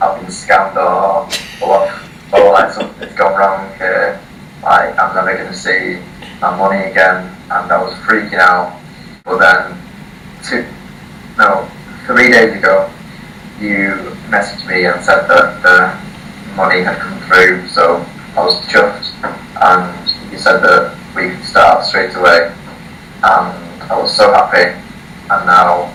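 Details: 18-year-old male from the UK who has stuttered since early childhood, first seeing a speech therapist at age 4, reading a passage aloud before a 3-day speech course; blocks and repetitions; stuttering.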